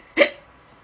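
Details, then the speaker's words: Girl with a sore throat, hiccups she says hurt: a single sharp, abrupt hiccup in a quiet room; hiccup. "guys I have hiccups it's not much different [ __ ] all from having tics"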